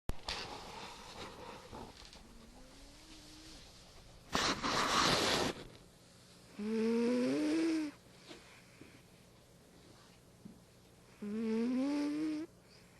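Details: Small sleeping animal snoring: short, squeaky, whistling nasal sounds on breaths a few seconds apart, with one louder snuffle, in a quiet room.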